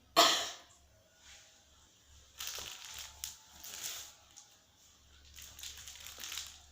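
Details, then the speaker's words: Nursing role-play teaching a young woman effective coughing, comfortable position, three deep breaths then expelling sputum: one forceful cough, then softer breathy sounds; acted demonstration of effective cough. "Tarik nafas lagi. Keluarkan Mbak dahanya."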